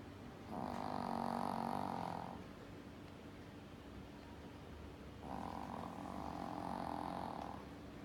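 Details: Snoring: two long, droning snoring breaths about five seconds apart, with a steady buzzing tone on each inhalation, over background noise.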